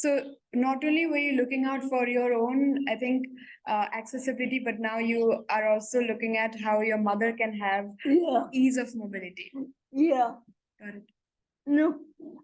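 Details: Adult woman speaking; typical speech.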